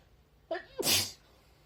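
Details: Girl doing a COVID-19 nasal swab test: a short indrawn breath followed by one sharp, explosive sneeze induced by the nose swab.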